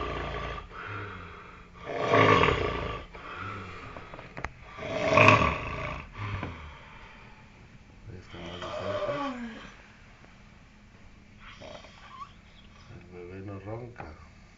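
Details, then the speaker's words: Young man on vacation snoring at 8 a.m., snoring all night and back asleep after getting up: loud, rough snores with long drawn-out rumbling, almost howling, on each breath, about 20 a minute, with quieter breathing between. "Está agarrando vuelo y ahí viene nuevamente su ronquido. Prepárense a escucharlo."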